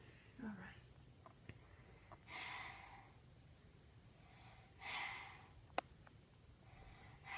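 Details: Normal breathing in a healthy six-year-old boy sitting up, heard by stethoscope over his back during a vital signs and auscultation demonstration; heart rate 90 beats per minute.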